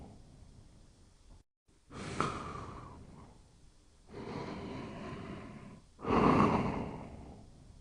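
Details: Toby sleeping with slow, soft, rough breaths and long airy exhalations a few seconds apart: quiet noisy breathing in sleep, close to a light snore.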